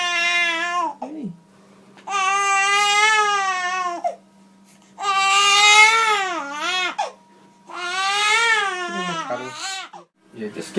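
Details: Newborn baby, during a Gonstead chiropractic adjustment in the mother's arms, cries in long, strong, steady wails, about four cries with short breaths between them; ordinary fussy newborn crying.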